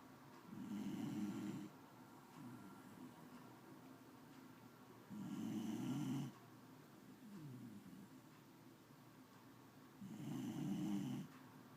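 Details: Soft, regular low snores about every five seconds, roughly 12 breaths a minute, in a quiet room; snoring.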